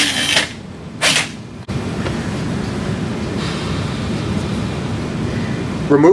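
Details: Radial surface reamer driven over a guide pin to the radial depth guide in a wrist arthroplasty demo on a Sawbones bone model: brief airy bursts, then steady low whirring drilling for several seconds.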